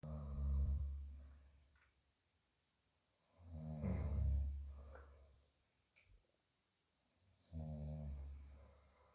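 Three slow, deep, rumbling snores, each rising and fading, with quiet pauses between them, about 15 breaths a minute.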